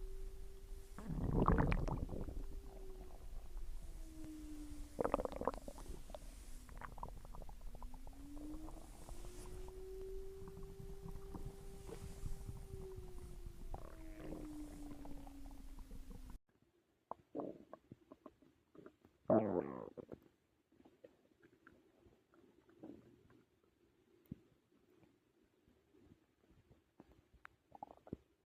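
Gurgling, squeaky rumbles and gliding tones from an adult's stomach after a meal: ordinary active bowel sounds.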